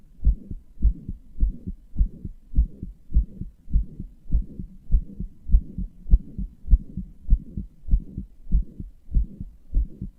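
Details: Self-reported heart murmur with palpitations in a heart the owner describes as weak and inefficient: a regular heartbeat about 100 per minute with a soft whooshing sound between beats.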